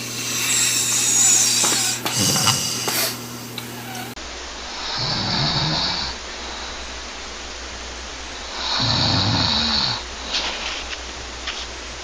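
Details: Rattling snores with steady, breath-timed pauses after a noisier opening with different room sound: a compilation of snoring extracts from several men's recordings.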